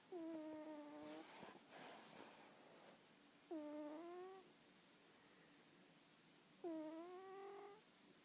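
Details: Cat asleep with drawn-out, squeaky whistling snores about every three seconds, roughly 19 a minute, with a brief rustle between.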